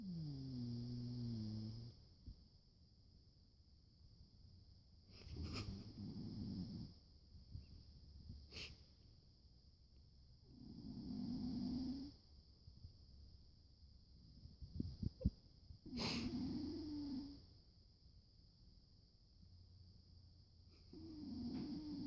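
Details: Old sleeping cat, 88 in human years, slow low rumbling breaths about every five seconds with soft snorts over a high background whine; snoring.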